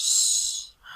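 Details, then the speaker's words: Imitated wheeze from a semiology lecture on dyspnea: a high, hissing, musical whistle of breath. It is given as typical of asthma of pulmonary or cardiac origin, in a patient with tachypnea. "pero mientras se los voy a hacer la onomatopeya de lo que es una sibilancia. Es como un silbido, y escuchen esta disnea,"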